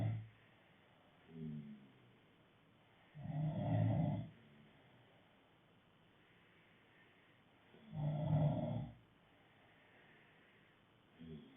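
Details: Two loud, rough, low snores on the in-breath about four to five seconds apart, with quieter breathing between; ordinary snoring.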